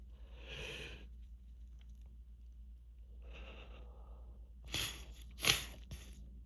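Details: Soft breathy in-breaths, then two sharp sneeze bursts in quick succession; repeated sneezing from grass pollen allergy at the end of spring season, without medication for several days.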